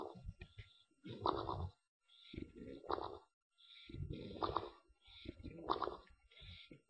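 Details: English Bulldog sleeping in the afternoon, making a noise out the side of his mouth: repeated rough, fluttering snorts with pauses between; noisy snoring.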